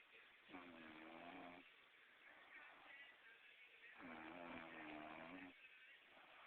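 Two long, low buzzing snores on in-breaths about three and a half seconds apart, with steady hiss in the room; ordinary snoring.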